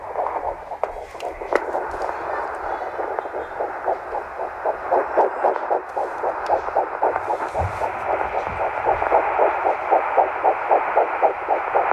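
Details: Puppy fetal heartbeat in a pregnant dog carrying at least one puppy, due January 28th: rapid, regular whooshing pulses about 230 a minute, normal fetal heart sounds.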